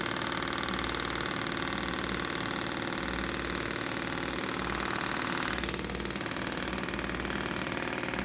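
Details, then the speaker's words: Extracorporeal shockwave therapy for plantar fasciitis: rapid, steady mechanical tapping pulses about 4 per second from a compressed-air shockwave handpiece on the sole, patient seated supine; treatment typically 2,000–6,000 pulses depending on need and tolerance. "a normal treatment we're going to do somewhere between 2,000 and 6,000 pulses depending on the need of the patient and what they can tolerate"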